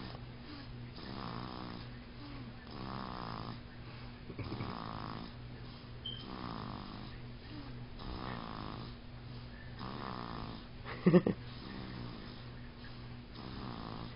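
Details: A baby boy asleep gives steady, rhythmic snoring with regular breath cycles, about 20 a minute. It is loud for an infant, but a plain sleep snore.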